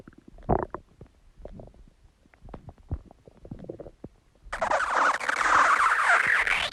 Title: Stomach Growling Sound | My Stomach Makes Noises